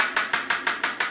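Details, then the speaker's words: Extracorporeal shockwave therapy machine for Achilles tendinopathy, switched on at a fairly low frequency: steady, sharp, drum-like knocking pulses about six per second. "can hear that a little bit like a drum if i pick a higher frequency it starts to speed up little bit"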